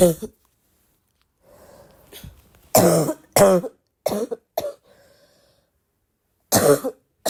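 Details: Persistent cough in an ill adult, tagged as a barking cough: several harsh, forceful, wet-sounding coughs with throat clearing in between.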